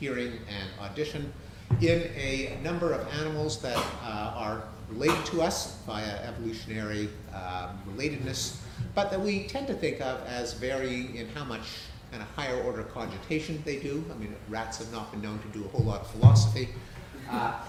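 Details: Adult man speaking; ordinary speech.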